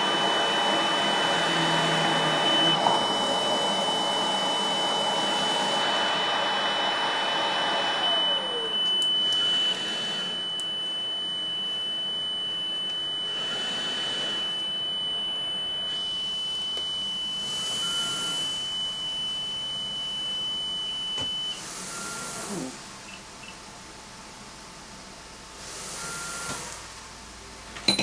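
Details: Mechanical insufflation-exsufflation through a tracheostomy: repeated whooshing air bursts every few seconds from a cough assist machine over a steady high device tone.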